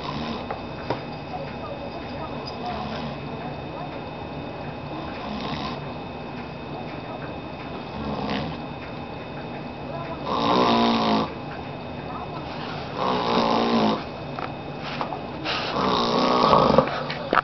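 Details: An old man sleeping in his chair, recorded to prove he snores: three rough, buzzing snores a few seconds apart over steady room noise, snoring during sleep.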